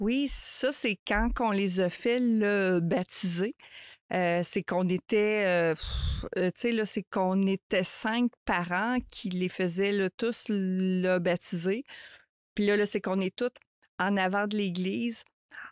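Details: Adult woman who stutters, mother of two teenagers, speaking spontaneously in a French podcast conversation; stuttering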